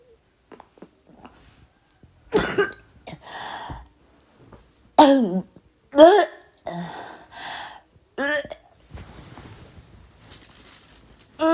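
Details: Girl coughing with vomiting: repeated harsh coughs, about eight bursts, some with a retching, gagging edge between quiet breaths, then a groan; cough.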